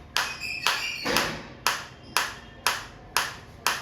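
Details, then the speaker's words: Focused shockwave therapy applicator on the operator's hand, intensity raised step by step from minimum (levels 1–8), with sound and sensation changing: sharp, regular snapping pulses about two a second. "आएंगे one by one two three आप देख सकते हैं change sound में भी और मेरे को फील में भी आ रहा है।"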